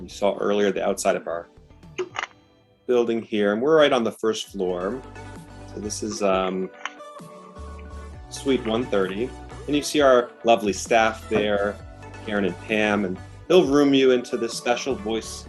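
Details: Adult male speaker; Normal speech.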